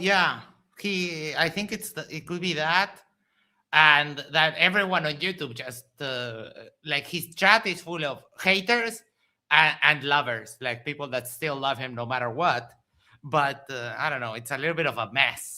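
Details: Adult speaker; normal voice.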